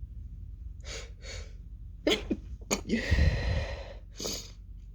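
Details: Woman's sneezing fit, almost fully stifled except the end: two soft breathy puffs, then sharp inhaled gasps and a louder, more open sneeze burst; stifled sneezes.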